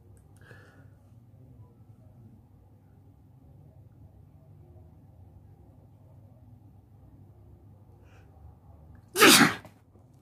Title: Sneezing while sitting on the bed